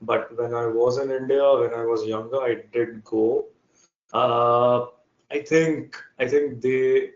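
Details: Adult man from India with real, persistent stuttering that began in early childhood, around class one or two, and still affects his speech in meetings; finding: stuttering.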